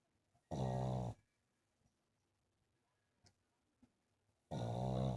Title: My pug Lilly snoring & our house mini tour